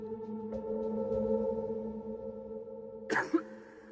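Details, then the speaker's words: Single cough in an NHK laser droplet-tracking experiment, said to spread about 100,000 droplets: steady background music, then one short cough burst near the end. "coughs once and spreads about 100,000 droplets large droplets are shown in blue and green"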